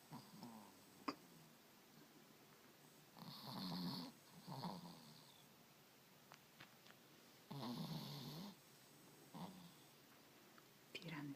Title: Tony_the_chihuahua_snoring